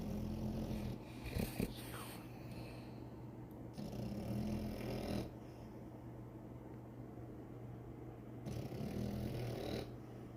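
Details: French bulldog puppy snoring while asleep: slow, rumbling breaths with a low rattle on each inhalation, under steady room hum.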